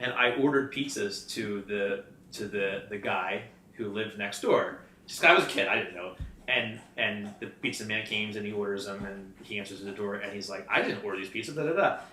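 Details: Adult man who has stuttered since childhood and works in sales and as a wedding MC, speaking in a live conversation; adult stuttering.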